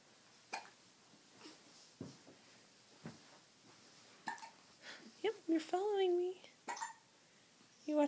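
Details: Baby with hiccups: soft, abrupt little catches about once a second in a quiet room, with some baby babble; infant hiccups.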